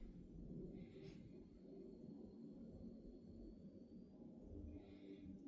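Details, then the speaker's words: Normal bowel sounds: soft low gurgles and rumbles heard with the stethoscope diaphragm, listening lightly at the right upper quadrant; nothing of concern. "So bowel sounds seem to be normal, okay? So there's nothing of concern at this moment."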